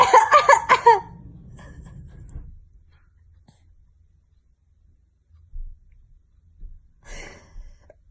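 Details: Quick run of about five short voiced coughs, then near silence and a faint breathy sound, amid laughter: cough.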